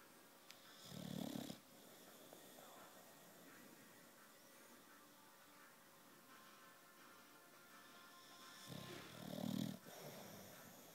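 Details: Puppy, described as snoring while wide awake, making two soft throaty snorting snores with quiet room noise between them.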